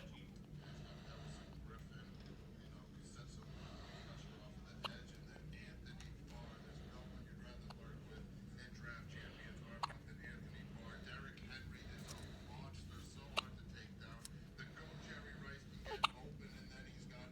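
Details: Hiccups in a 1-day-old baby: soft, short hiccup clicks at irregular gaps, four in seventeen seconds, over low room rumble.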